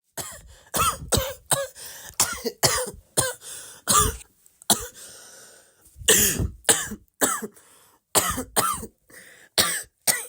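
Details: About twenty short, sharp cough bursts in quick clusters with brief pauses in a quiet room: repeated coughing.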